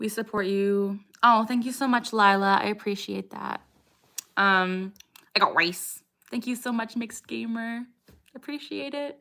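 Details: 27-year-old woman with Tourette syndrome, diagnosed at age 12, producing a repeated vocal tic phrase; vocal tic (Tourette syndrome).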